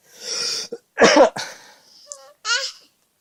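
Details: Young child imitating daddy's cough while daddy is sick: a few short, breathy cough-like bursts mixed with vocal sounds, not an illness cough.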